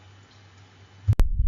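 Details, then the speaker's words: 14-year-old domestic shorthair cat with dyspnea, jugular venous distension and thyroid slip, in congestive heart failure: cardiac murmur with gallop rhythm. "that recording had a cardiac murmur and a gallop in a cat with congestive heart failure"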